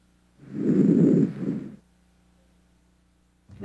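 Soft, low rustling breath through a stethoscope over the front of the chest; normal breath sounds.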